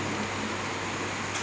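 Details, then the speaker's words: Jet nebulizer compressor running with its outlet closed off to clear trapped air or water bubbles from the tubing: steady mechanical hum and hiss with a brief click near the end. "Masih tetap sama, alatnya dioperasikan, tapi ini ditutup dulu seperti ini."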